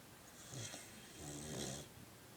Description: So apparently my sister's new puppy has quite the snore!